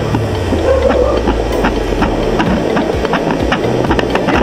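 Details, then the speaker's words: Rapid, galloping fetal heartbeat at about 157 per minute over loud static hiss, heard on a home fetal Doppler with gel at five months of pregnancy. "guys, yung pusilong namin 157 yung heartbeat niya. 5 months po yung buntis ko sa mami."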